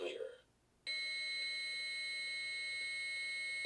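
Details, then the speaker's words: Two-rescuer adult AED training demonstration during CPR: AED voice says shock advised, charging, then a steady high-pitched tone as it charges ready to shock. "AED: Shock advised. Charging. Everyone stand"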